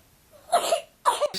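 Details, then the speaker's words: Two short, strained coughs from a seven-week-old girl with whooping cough (pertussis), hospitalised ten days in isolation; coughing fits left her unable to breathe in, turning blue before a big breath: whooping cough. "would start coughing and she'd just cough and cough and she didn't know to breathe back in so she'd cough and cough and cough and turn blue in the face and then eventually take a big breath in"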